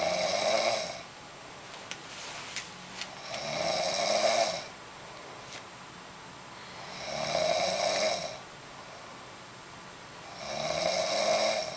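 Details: Snoring during sleep: loud, rattling snores on each breath in, about 17 breaths a minute, with quiet pauses between.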